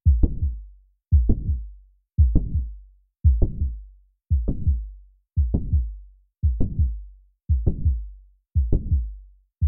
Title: Mitral Valve Prolapse - sound & animation